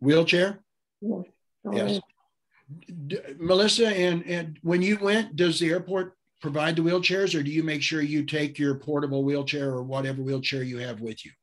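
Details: Adult speaker; normal speech.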